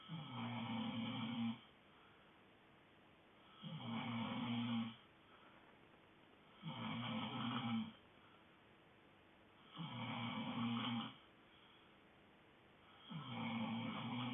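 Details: Steady, regular snoring from a sleeping dog, about 20 snores a minute.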